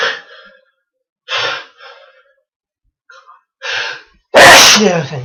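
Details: Adult with a cold, cough and flu: several sharp indrawn gasps followed by a loud explosive sneeze, a sneezing fit.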